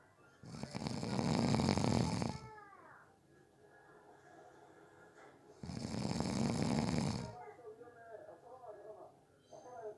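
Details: Two long, loud rattling snores on breathing in with quieter breathing out between; heavy snoring from a person napping, asleep within about 30 seconds.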